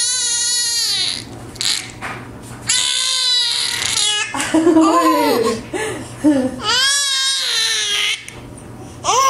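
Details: A young child standing up and laughing, with the laughter interrupted by hiccups: loud, high-pitched vocalizing with breathy catches.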